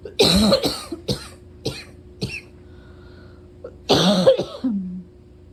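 About seven harsh coughs in quick succession, with a brief pause, then a hard double cough ending in a voiced groan; steady hum behind. Persistent coughing fit.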